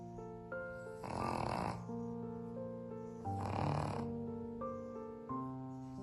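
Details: Two rough, rattling snoring breaths from a sleeping dog over steady background music.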